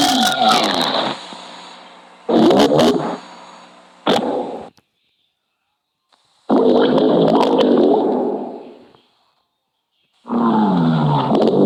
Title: boyfriend stomach growls